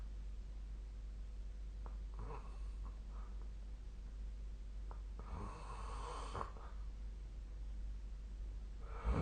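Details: Nightly snoring: quiet, rough, noisy breaths recur every few seconds during sleep over a steady low room hum.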